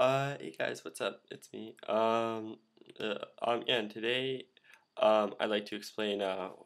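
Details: Male speaker who stutters; repeated fillers and blocks, which he attributes to his throat closing and uses as a habit to help it open; stuttering.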